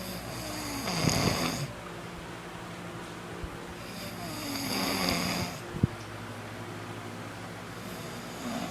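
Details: Snoring of a sleeper described as fat: rough, rattling snores on inhalation, about three in 9 seconds, over steady background noise.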